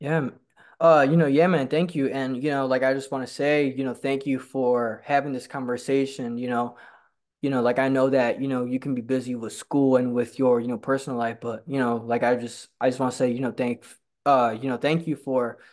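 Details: Host who stutters, talking with a fellow person who stutters met at a stuttering support group; frequent "you know" interjections and repetitions; stuttering.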